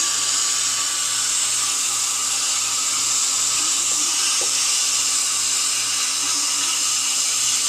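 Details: Steady high-pitched dental drill whine running continuously, with a faint low hum underneath, during cavity drilling for a bonded white filling done without needles.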